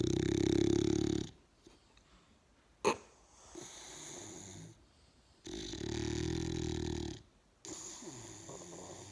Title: Snoring big bull